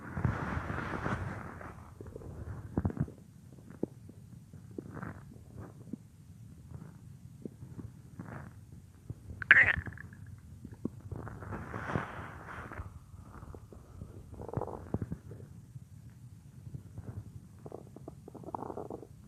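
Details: Real recording of a woman's own stomach, which she says sometimes gets loud, made for a roleplay: soft irregular gurgles and squeaky rumbles over a low background hum; stomach growling (borborygmi).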